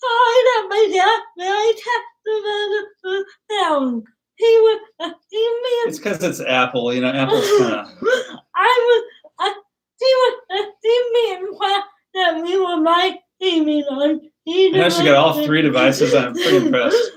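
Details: Dysarthria in a woman about to turn 20 with cerebral palsy; her speech is difficult to understand, and her father notes trouble with plosive sounds such as p and b.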